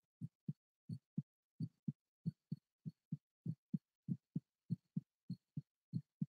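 Crisp, regular paired thumps at about 100 beats a minute, quiet between beats; a heartbeat.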